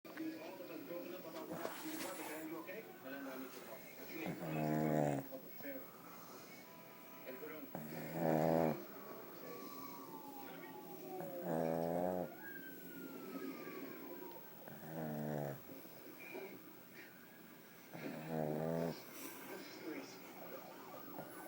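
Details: Snoring during sleep, unclear whether from the dog or a person: regular low rattling snores, about 17 a minute, with music and room noise.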